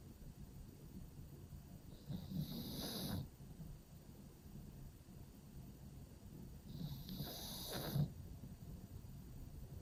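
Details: Pug sleeping in a cave-style pet bed, snoring: two slow, rattling snores with quiet breathing between, about twelve breaths a minute.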